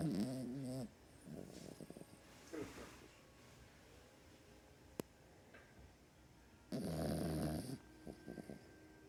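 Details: Yorkie dog snoring during sleep: rattling, fluttering snores repeating every few seconds, with quiet room noise between them.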